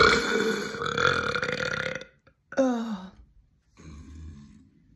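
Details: Girl burping: a long, loud voiced belch, then a shorter falling one and a softer third; repeated burping.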